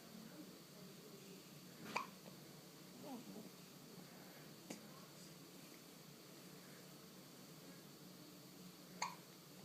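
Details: Recorded in a hospital: faint, sharp hiccup sounds about three times over ten seconds against steady room hiss; hiccups.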